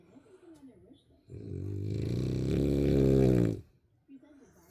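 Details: Bulldog puppy snoring: one long, loud, rumbling snore on a single breath, rough and vibrating, between quiet breaths; snoring in a flat-faced puppy.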